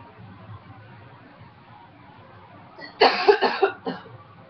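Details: Former smoker, quit almost two years, now with a cold: a short burst of two or three dry, hacking, non-productive coughs in a quiet room.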